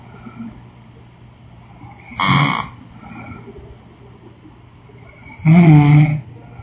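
Two loud, rough rattling snores about three seconds apart, with quiet breathing between them and a steady low hum in the room.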